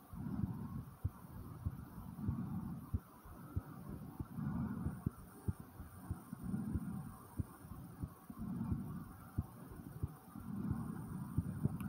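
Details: Fast, regular heart thumps under loud, heavy breathing about 30 a minute, recorded after 10 jumping jacks; a normal quick heartbeat after exercise.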